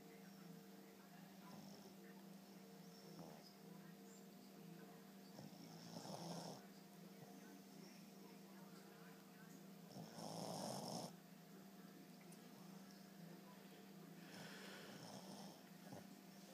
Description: My dog, sister, snoring. And yes, her eyes are open but I couldn't get a good angle without waking her up.